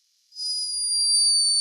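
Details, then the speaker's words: Unmistakable snore from a tiny sleeping hummingbird, recorded by a scientist in Peru; snoring. "but unmistakable snore hummingbirds are loved for their beauty and speed but this one was behaving a little bit like a human"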